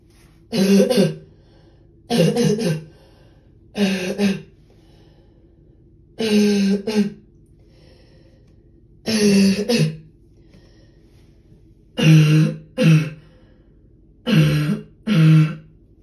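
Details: An adult with a deep barking cough that hurts the throat, giving about ten deep, harsh, voiced coughs in short bouts.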